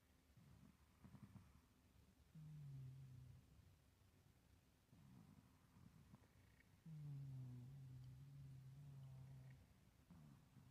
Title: old man cat snoring 😻